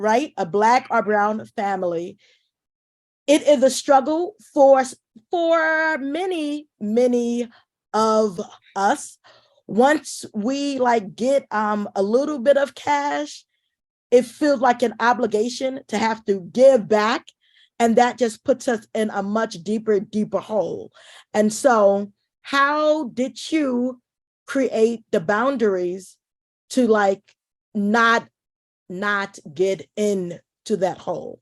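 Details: Adult woman who identifies as a stutterer, speaking as event host; word repetitions audible; stuttering.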